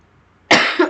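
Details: Person who is unwell with a sore throat and kept coughing throughout a recorded presentation: a single sudden harsh dry cough bursting out of quiet, with a short rough tail.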